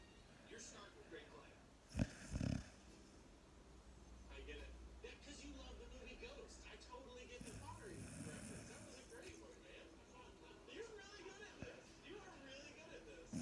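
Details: Sleeping Staffordshire bull terrier snoring: low rumbling breaths with a soft rattling snore on each breath, room noise behind.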